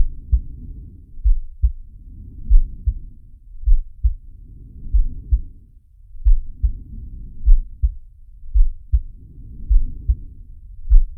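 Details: Heartbeat with breathing from the Zig & Sharko animated cartoon (Sharky): low thumping heartbeat with slow, regular breaths rising and falling, about 5 breaths in 11 seconds.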